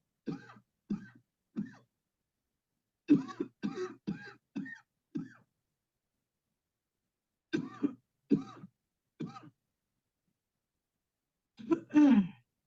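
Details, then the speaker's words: Eleven short, soft, voiced voluntary coughs in small clusters ending in a stronger one, made on command after deep breaths during a remote cleansing-healing coughing technique demonstration. "Okay, here we go. Breathe in deep, deep, deep, cough."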